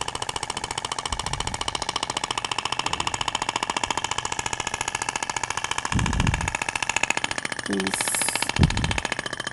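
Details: Ibramed Thork radial shockwave device applied in a zigzag over a patient's abdomen: rapid, steady mechanical clicking pulses, about 15 a second, with faint room noise.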